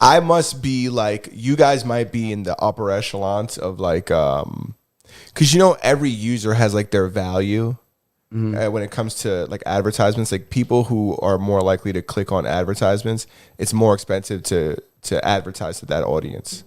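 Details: Adult male speaker; ordinary speech.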